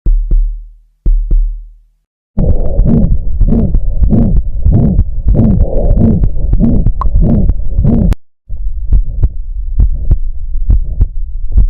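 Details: Heart sounds recorded with a Stethophone digital device: low heartbeats at about 100 per minute, with a whooshing systolic murmur filling the gap after each first sound, a marker of various cardiac pathologies.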